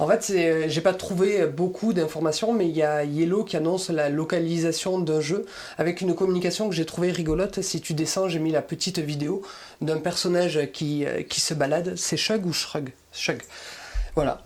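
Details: Adult speaker; normal voice.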